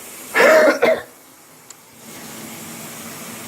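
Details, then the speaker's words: Two harsh, quick cough bursts from an adult who quit smoking just over a month ago, still coughing up black tar, with reduced wheezing; productive cough. "I'm still coughing up black crap and that's why I wanted to make this nasty video"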